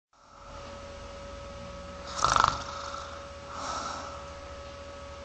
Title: And She Tells Me I Snore